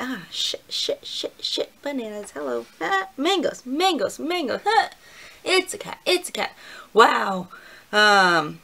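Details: Vocal tics in a woman with a tic disorder: repeated words and interjections; new tics this season, during a growing migraine.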